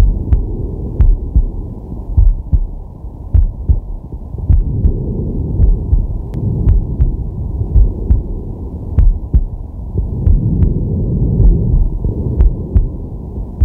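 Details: Male relaxing with a digital stethoscope on his chest: steady low heartbeat around 50 a minute, with slow breathing swells underneath; regular, relaxed rhythm; normal heart sounds.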